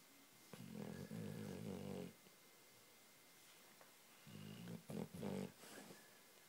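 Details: Zoey, a Labrador cross Shar Pei dog, snoring in sleep: a low, rattling snore over a long breath, a pause, then a few shorter snorting snores in a quiet room.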